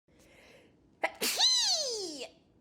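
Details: Demonstration of different sneeze types: a quick indrawn breath, then one loud, high-pitched sneeze with a falling voiced tail.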